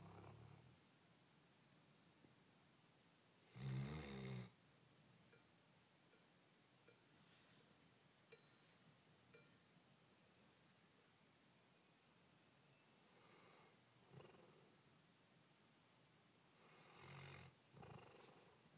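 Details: Two rough, rattling snores about fourteen seconds apart during sleep, separated by quiet room noise; snoring.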